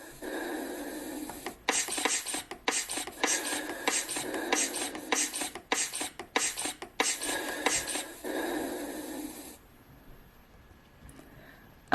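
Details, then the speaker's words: Simulated manual blood pressure measurement on a virtual patient: rhythmic rushing air puffs, about 90 a minute, as the bulb is squeezed to inflate the cuff to 180–200 mmHg, above the estimated systolic pressure, then quiet. "okay so I went ahead and squeezed my bulb and the gauge is now stopped between 180 and 200 mm of mercury"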